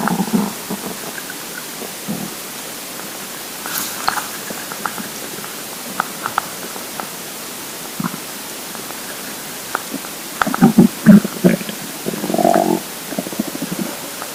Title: Hungry Empty Stomach Rumbling Part 4 (22/10/2015)